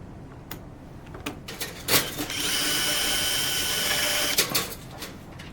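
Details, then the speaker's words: Surgical power drill running with a steady high whine for about two seconds amid instrument clicks, drilling peg holes fully for the trochlear component during a patellofemoral joint replacement demonstrated on a sawbones model. "The drill for the pegs are done. It is important that we drill all the way in to the third."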